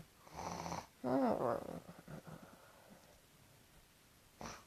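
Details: Heavy snoring during sleep: rough, fluttering noisy breaths with one loud rattling snore among quieter ones, in a small quiet room.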